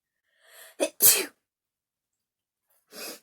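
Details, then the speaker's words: Person deliberately demonstrating the sneeze they do at school (not their natural home sneeze): sharp intake of breath, then a loud hissing sneeze burst and a softer second burst; sneezing. "but i'm gonna prepare my sneeze that i do at school compared to the sneeze that i do at home there's a dramatic difference okay now let's do the one that i do at school this is the sneeze i do at school"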